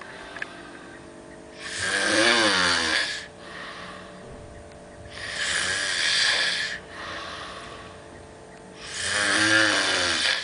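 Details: Person snoring in Santa Teresita: loud, rattling snores with softer breaths out between them, about three cycles in ten seconds, roughly 17 breaths a minute.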